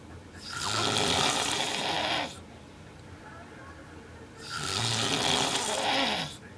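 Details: Severe snoring from an adult man (a girlfriend's boyfriend), recorded while he sleeps as proof of how badly he snores.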